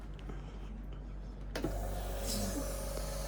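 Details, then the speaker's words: Suction machine switched on for a pre-use function test before suctioning excess secretions via the mouth: a switch click, then a steady humming motor with a faint tone in a quiet room; suction machine running. "sebelum masukkan ke mulut pasien kita harus tes alatnya dulu apakah berfungsi dengan baik atau tidak sedangkan kemudian kita install berfungsi dengan baik ya ini bisa menghisap"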